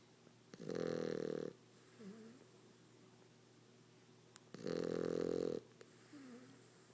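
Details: French bulldog snoring very loud: two loud, buzzing, vibrating snores about four seconds apart, each followed by a soft whistling breath out.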